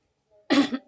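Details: Adult woman with a hoarse voice while cooking: a faint throat clear, then a single short, harsh cough burst with a brief tail; cough with throat clearing.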